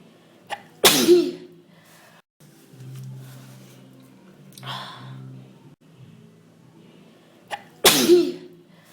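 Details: Person on the third day of a cold, feeling terrible, sneezing: two loud, sharp sneezes, each after a quick intake of breath, with a quiet sniffing pause between them.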